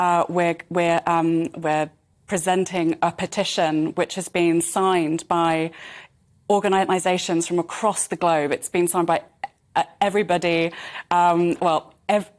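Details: Adult woman who stammers; she describes her stammering (stuttering) as a tiny fractional delay in the white matter around the brain's speech centres.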